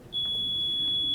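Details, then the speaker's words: A single steady high-pitched tone as a Hamilton C2 transport ventilator is switched on and powers up during its pre-use check, just before its internal self-test starts. "ventilator is going to make a noise and it's going to start powering up"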